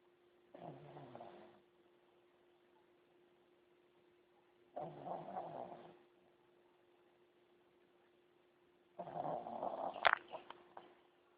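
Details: A sleeping pug with three noisy, rattling snoring breaths about four seconds apart over a steady background hum; snoring.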